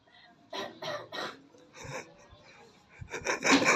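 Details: A few quick, dry, raspy coughs, partly playful, with laughter and voices around them; children asked what kind of cough they have; cough.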